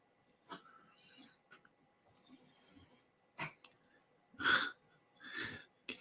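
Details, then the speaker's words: Several short, wet sniffing and snorting nasal bursts from a cat over faint room hum, which the owner expected to lead to a big sneeze; nasal snuffling. "guys hear the cat snuffling? He's getting ready for a big sneeze."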